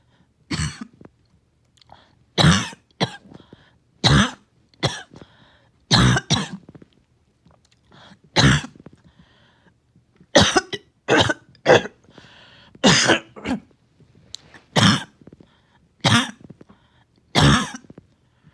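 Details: Repeated harsh coughs and throat clearing in clustered bursts with gasping pauses between; back-to-back morning coughing fits that leave the person winded.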